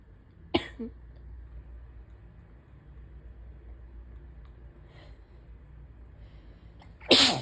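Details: Sharp sneeze-like burst, quiet breathing, then the start of another loud sneeze, during a big allergy attack with false-start sneezes. Days of chest trouble, stuffy nose and sore throat waxing with pollen; allergies suspected; recorded while expecting an asthma attack.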